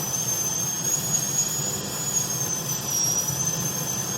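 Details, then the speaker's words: High-speed dental handpiece with 856.016 burr reducing the distal lingual groove from the distal pit during an all-ceramic MOD onlay preparation on tooth #14: continuous high-pitched whine over a low room rumble. "I reduce down with the side of the burr, as such. And then I just go up with the distal lingual groove."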